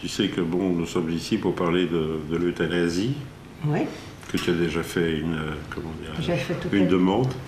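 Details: Adult male speaker; normal speech.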